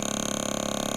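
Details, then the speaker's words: Radial shockwave device run in vibration mode around the calf before shockwave treatment for chronic plantar fasciitis (over 3 years): steady fast mechanical buzzing and rattling, continuous vibration to relax muscle rather than discrete shock pulses. "so I'm going to use this one first for vibration we're just going to go around her her leg and so it vibrates through and and creates"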